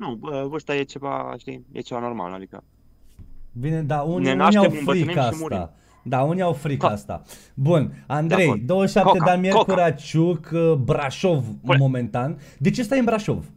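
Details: Adult men talking, Romanian; ordinary conversational speech.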